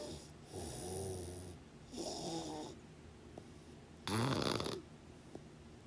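Three loud, rattling snores on inhaled breaths within six seconds, separated by quiet pauses. Typical sleep snoring.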